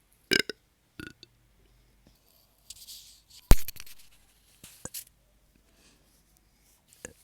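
A series of low, rumbling burps of varying length separated by pauses, with a few small clicks: repeated belching.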